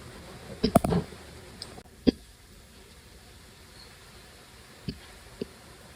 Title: Hiccups again